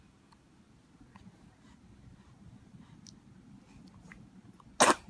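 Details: Baby at week 10 gives one abrupt, forceful sneeze near the end in a quiet room; sneezing.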